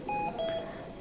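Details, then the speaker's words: Hamilton C2 ICU ventilator under repair, "technical state failure" error after ESM module replacement, ventilation won't start: two short steady electronic alarm tones with faint room noise: ventilator alarm beep. "अब जब replace किया तो अभी ये technical state, अभी ये error दे रहा है, यानी कि ये जो स्टार्ट वेंटिलेशन है ये एक्टिव नहीं हो रहा।"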